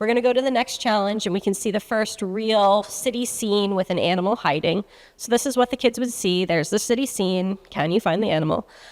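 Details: Adult woman; normal speech.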